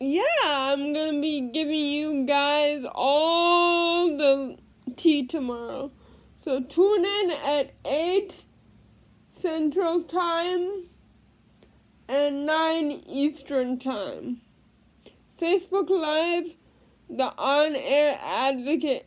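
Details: Female living with cerebral palsy speaking in a daily vlog; no specific speech disorder named; speech in cerebral palsy.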